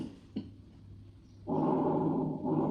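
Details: Vesicular breath sounds played during a medical student's OSPE respiratory examination revision: after a faint hum and a click, a soft, low rustling breath sound rises and holds.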